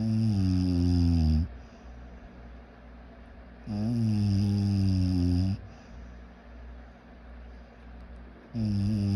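Loud, rough, low-pitched snores on each breath in, about 15 a minute, with quiet breathing out between them. Snoring.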